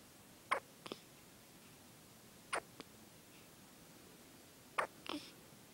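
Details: Regular hiccups: three pairs of brief, sharp hiccup clicks about two seconds apart.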